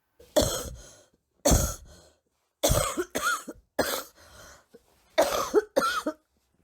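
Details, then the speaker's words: Adult recording own cough during acute flu with acute laryngeal and bronchial inflammation and brief breathing difficulty: about seven harsh, rough, hoarse coughs in separate bursts. "후두부, 기관지, 급성염증에도 아주 일시적으로나마 호흡 부전을 경험했습니다. 들숨 날숨을 막는 무슨 막 같은 것이 여기에 생겼다는 느낌이 확 들더라고요. 이런 기침 저는 난생 처음 해봤습니다."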